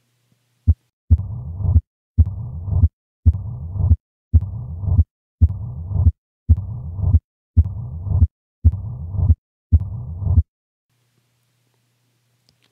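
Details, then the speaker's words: Heart murmur teaching example of mitral stenosis: low-pitched diastolic rumble about 56 per minute with presystolic accentuation from atrial contraction, louder just before each beat; mitral stenosis murmur. "and here is mitro stenosis here there is a relatively constant pressure gradient between the left atrium and left ventricle with the exception of a pre systolic accentuation which is the consequence of the atrial"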